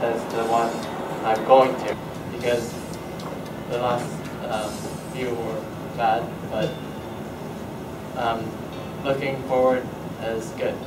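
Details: Likely a member of a community aphasia program in which everyone has aphasia, often after a stroke; aphasia.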